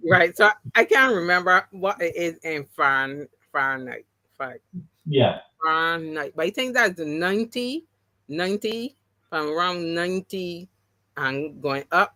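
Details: Adult woman after three strokes (2017, 2018, 2019), the first haemorrhagic, causing loss of speech and right-sided paralysis; speech regained, some words never returned; aphasia with word-finding difficulty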